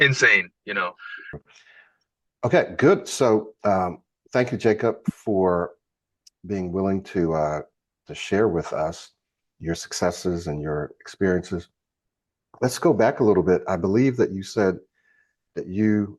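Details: Adult male speaker; ordinary speech.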